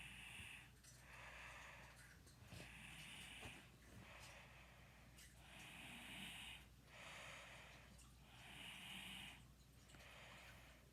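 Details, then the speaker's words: Hissing, rasping breaths in a quiet room, about 21 a minute, recorded at 12:51 a.m.: a sleeping girl's snoring. "Hey y'all, it's 12:51 in the morning, 12:51 a.m. and today my cousin is snoring."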